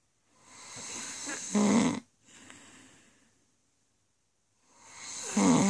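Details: Snoring from an adult woman asleep: two loud rasping snores on the in-breath, separated by a quieter out-breath; ordinary snoring.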